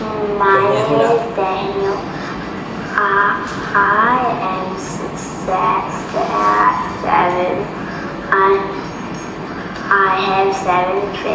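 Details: Stuttering (fluency disorder) in a seven-year-old boy, with syllable repetition, sound prolongation or sudden stops.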